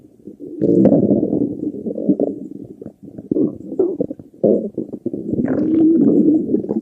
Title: chubby girl stomach growls